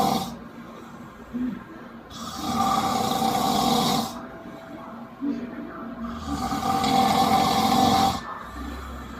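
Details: Brother snoring: loud, rasping snores on each breath in, two long cycles over nine seconds with quieter breathing between; heavy snoring.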